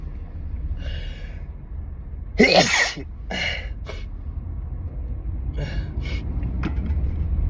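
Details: Allergic sneezing fit from a strong car air freshener after pollen and wedding flowers, in a car, sneezing into dress fabric pulled over nose and mouth: several sneezes, some muffled, over low engine rumble.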